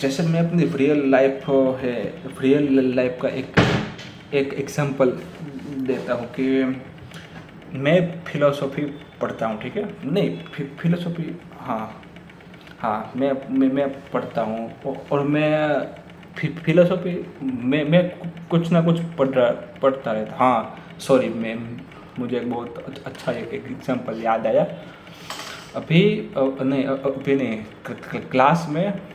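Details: Hindi speech from a male presenter with his own real stammer, which he says worsens with overthinking before speaking; stuttering.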